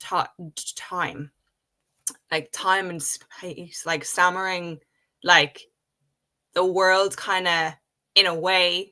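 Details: Adult woman with a real developmental stutter present since age five, speaking spontaneously in English conversation; stuttering.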